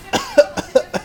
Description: 9 month old baby coughs after uncle coughs too while eating tapioca pudding!